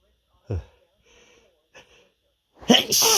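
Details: Male hitching sneezes: several short catching inhalations followed by an explosive sneeze burst.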